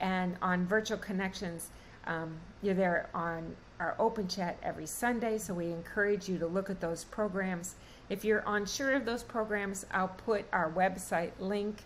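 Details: Adult woman; normal speech.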